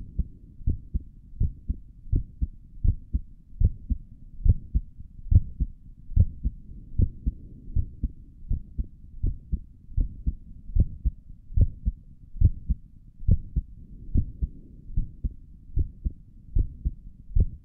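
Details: A person's own resting heartbeat recorded through a stethoscope on the chest for relaxation: steady, regular low thumps at about 70 beats a minute; normal heart sounds.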